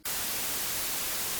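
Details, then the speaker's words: White noise tinnitus masker played from hearing aid software: a steady, even hiss of white noise, then a brief voice onset; offered alongside a hearing-loss-shaped masker and pink noise. "तब हमारे पास उनका सफेद शोर होता है।"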